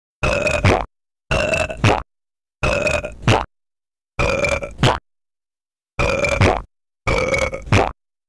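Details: Deliberate burping recorded as an experimental music track: six loud, deep, evenly spaced belches, each under a second, separated by silence.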